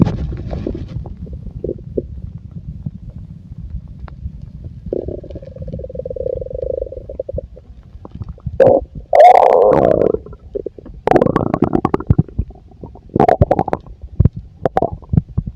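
Loud gurgling and rumbling bursts with a long drawn-out growl, typical stomach rumbling from a full stomach.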